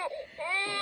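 Brief high-pitched wailing infant cry with a rising, sustained tone.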